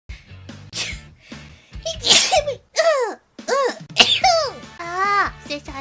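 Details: Streamer's hiccups and sneeze overload: a run of short, sharp sneeze-like bursts and high squeaky catches over background music; repeated sneezing.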